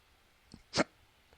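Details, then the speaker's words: A single abrupt, sharp catch of breath in a quiet room, an adult speaker's hiccup during a spoken recording. "oh, sorry, got the hiccups."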